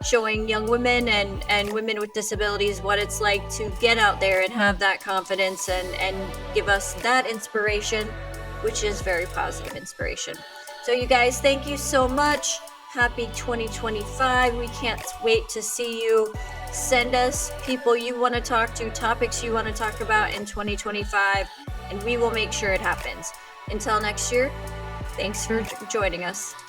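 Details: Adult woman speaking over background music; typical speech.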